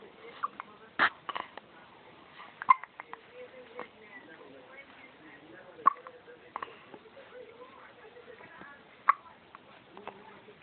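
Four sharp, sudden hiccups, roughly 20 a minute, over faint background talk and room noise.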